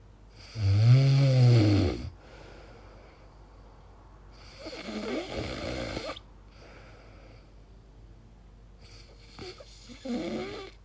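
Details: Person recording their own sleep, unsure whether it is snoring or sleep apnea: a loud rattling snore, then softer, irregular snoring breaths with pauses between; very strange sleep noises; snoring.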